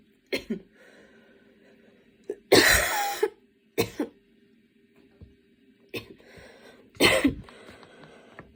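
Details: Student studying for an exam on a Saturday afternoon, standing and changing positions as the cough attack worsened from minor to intense; five or six harsh coughs in bursts over eight seconds with quiet room noise between; coughing fit.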